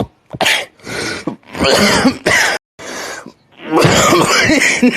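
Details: Several loud, harsh cough bursts in quick succession with short pauses, ending in a longer coughing fit: repeated cough.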